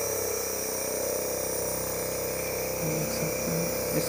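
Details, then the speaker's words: Dr Trust Penguin model 403 compressor nebulizer running a demo with distilled water in place of medication: steady motor hum and rattle, with faint background music. "इस nebuliser machine को हम चलाकर देखेंगे फिलहाल इसमें हम distal water डालकर देखेंगे"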